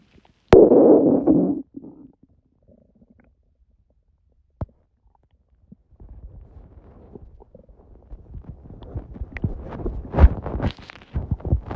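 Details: Bowel sounds recorded at 1:30 after waking from sleep, following too much udon at 19:30; the owner suspects the stomach was surprised by gluten after a long break. A loud gurgling burst, quiet, then softer bubbling pops: borborygmi.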